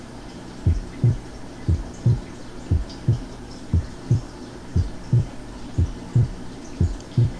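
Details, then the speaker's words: Physiological splitting of the second heart sound: regular heart sounds, about 59 a minute, with S2 single or barely split on expiration and splitting into two close components on slow inspiration. "normalmente el segundo ruido cardíaco es único o muy ligeramente desdoblado durante la espiración y muestra un desdoblamiento en la inspiración escuchemos el desdoblamiento inspiratorio del segundo ruido tal como ocurriría con la respiración lenta"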